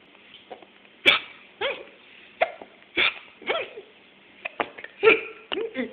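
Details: 15-week-old baby boy with hiccups: short, sharp, irregular gulping bursts, about ten in six seconds, in a quiet room.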